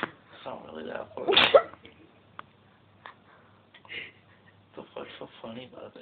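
A single loud, sharp sneeze burst amid quiet room sounds and brief voices; an ordinary sneeze.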